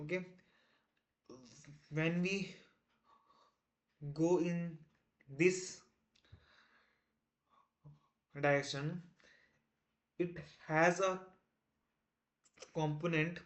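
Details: Male self-described person who stammers, day 1 of a 30-day stop-stammering challenge, trying not to stammer while explaining a math topic; repetitions and fillers audible; stuttering.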